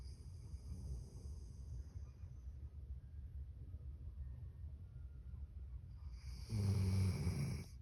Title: One full minute of Milo sleeping and snoring. #dogsleeping #dogsleep #hbd10